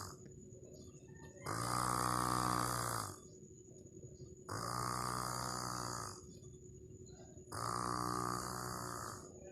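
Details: Sleeping snoring: three long, buzzing, voiced snores about every three seconds with a steady tone and hiss behind them.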